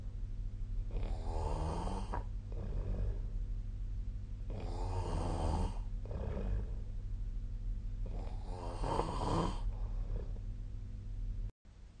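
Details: Sleep snoring recorded with the SnoreLab snoring app: three loud, rough, rattling snores about every 3.5 seconds, each with a softer trailing breath.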